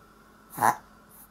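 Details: Chihuahua with heart disease and daily reverse-sneezing episodes since puppyhood: a single sharp, harsh snorting intake of air, a brief reverse-sneeze burst.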